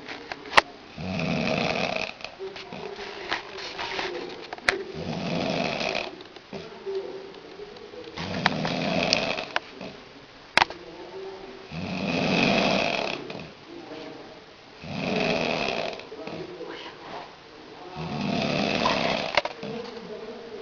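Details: Man snoring after a night of São João partying, steady loud rattling snores roughly every three seconds, about 20 breaths a minute, likened to a tractor; faint room sounds.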